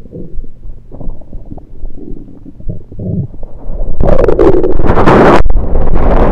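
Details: Self-recorded over own stomach with a USB electronic stethoscope, taking only liquids, not digesting food: low bubbling gurgles building to a louder rushing gurgle near the end; active bowel sounds.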